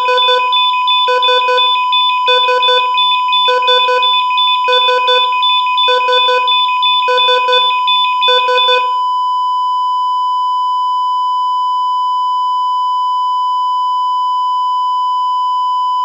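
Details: Simulated patient monitor sound effect: regular beeping bursts that slow and stop, then a steady unbroken flatline alarm signalling loss of vitals.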